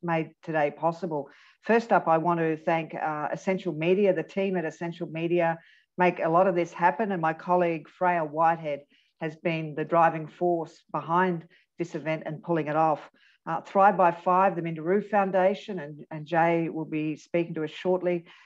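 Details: Adult speaker; normal speech.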